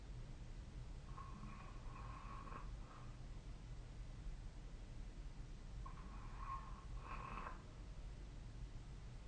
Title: 🐽 いびきの音 / Snoring Sleep Sound 2025/05/27